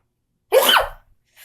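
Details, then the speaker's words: Self-induced sneeze from a person claiming an unusual sneeze: a single short, forceful sneeze after brief silence, with a high, squeaky quality. "See, I told you I had the weirdest sneeze ever."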